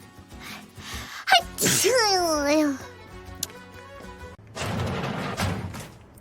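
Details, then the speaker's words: A Korean streamer with rhinitis gives a sharp intake and burst, then a loud voiced, falling sneeze cry over background music. "코가 코가 너무 간지러웠는데 아까 못 한게 제체기가 지금 나왔네"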